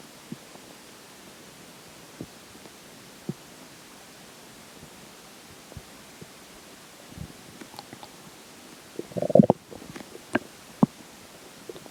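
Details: Scattered soft gurgles and clicks, then a louder rumbling burst with a few sharp gurgles, after a slice of pizza for breakfast and McDonald's for lunch; ordinary stomach growls of digestion.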